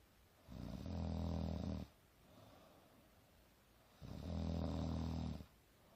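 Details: Girl snoring during sleep: two long, low, rumbling snores on the in-breath with quiet breathing between, in a quiet room.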